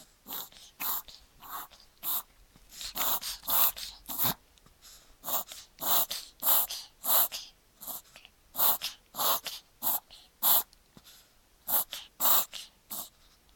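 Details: 14-week-old male Papillon puppy with repeated short snorting coughs and sneezes, wet congested sound, otherwise behaving normally, eating and gaining weight, on doxycycline dose 6 of 10 without apparent change.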